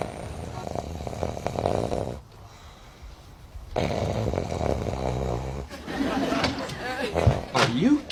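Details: Loud snoring: deep, rough, vibrating snores in long stretches with quiet pauses between them, then stirring noises.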